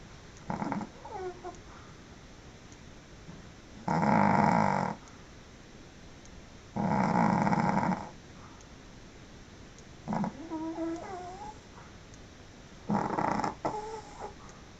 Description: Pekingese loudly snores while sleeping.